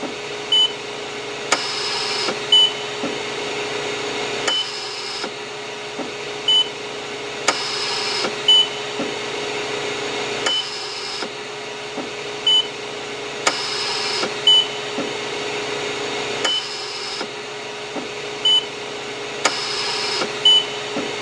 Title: Hospital Ventilator Sound effect